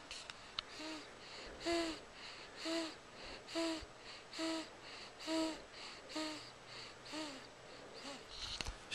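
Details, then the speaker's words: Soft, regular humming tones with each breath, about 9 in the clip, in a quiet room: a sleeping baby's humming snore right after feeding. "doesn't always do that just usually at night right after she's fed it's kind of a a hum I do that after I eat too"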